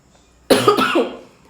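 Two quick, voiced cough bursts in close succession from an adult, trailing off into a quiet room; a short coughing bout.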